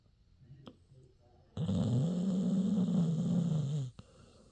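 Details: Dog snoring while asleep: one loud, sustained, rumbling snore lasting about two seconds.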